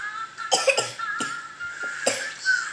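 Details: Young child recovering from fever, still with cough and runny nose: about four short, sharp coughs over a faint steady background tone; a persistent cough.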